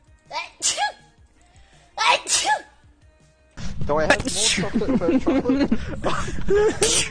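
Two sneezes, each with a sharp indrawn breath before the burst, then loud voiced exclamations over background music.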